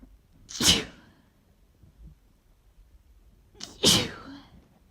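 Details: Pollen allergy sneezing fit, unedited apart from one gap removed: two forceful, wet, itchy "choo" sneezes with little warning and a sharp inhaled lead-in before the second.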